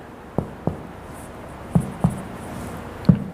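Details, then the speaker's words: Normal abdominal percussion in a skills-lab physiological abdominal exam: five hollow, drum-like finger taps in pairs across the abdomen, starting near the midline; all tympanic, like a drum, showing normally distributed bowel air. "seharusnya di semua titik 13 titik tersebut yang sudah kita ketuk semuanya ee bunyinya adalah timpani jadi bunyinya seperti gendang yang di apa Sedang dipukul"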